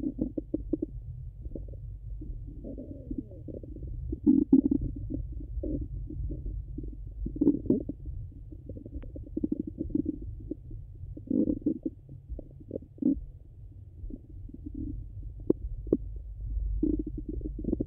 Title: Stomach Sounds Hungry and Full 🫧🩺